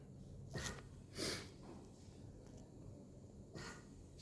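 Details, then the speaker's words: Pre-use self-check of a GE Datex Ohmeda anaesthesia workstation: bellows filled with O2 flush, then irregular breathy puffs of the ventilator cycling; peak pressure changes should be equal, and unequal changes indicate a circuit leak. "Machine is initiating the checking. You can see the changes in the peak pressures also. If the circuit is leak, then these pressure changes will not be equal at every time."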